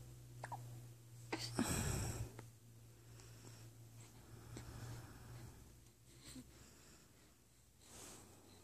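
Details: Several brief, abrupt gulping sounds at uneven intervals in a quiet room; hiccups.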